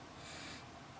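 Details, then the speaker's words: Two-week-old newborn girl sleeping after breastfeeding, snoring "like a little piglet": a single soft, snorting breath noise. "so if you can hear snoring like a little piglet snore that's because she is snoring away"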